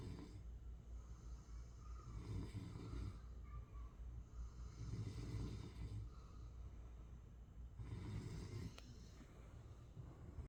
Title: Sleep Well #snore #night #rest #peace #snoring #goodnight